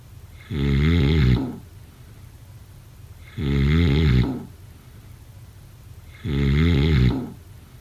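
Three loud, buzzing snores in a steady rhythm, about 21 a minute, with quiet hiss between breaths. Snoring.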